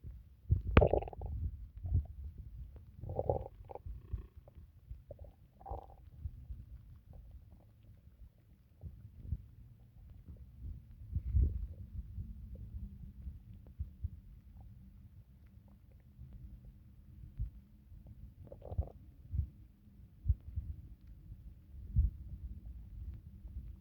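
Irregular low gurgles and rumbles from the abdomen, ordinary bowel sounds after drinking water.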